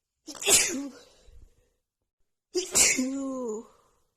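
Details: Sneezing fit during a head cold with a blocked nose, triggered by sniffing a tiny bit of black pepper: two forceful voiced sneezes in quick succession, each trailing into a vocal sound.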